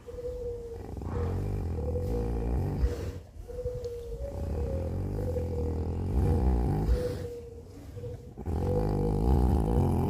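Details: Cow snoring: continuous deep, rumbling, groaning breaths with a droning tone; heavy snoring-like breathing.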